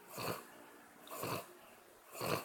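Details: Three short, rough, rattling snorts about a second apart from Audrey, a sleeping dog, snoring again over quiet room noise.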